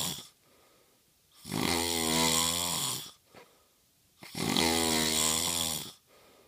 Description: My husband started snoring as soon as he felt asleep !